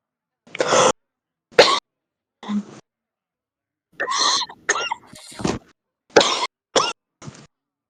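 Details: Real heavy smoker's cough: deep, chesty, intense repeated coughing with throat clearing and snorting, interspersed with Russian speech and laughter.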